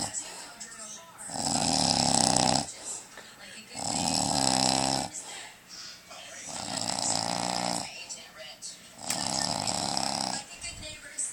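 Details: Uncle asleep snoring very loudly: harsh rattling snores in long bursts with quieter breaths between, about four in eleven seconds.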